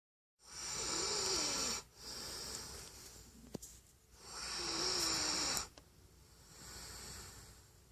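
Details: Snoring from a sleeping dog: noisy, hissing breaths with a wavering whistly rattle, about 16 breaths a minute, alternating with quieter exhalations.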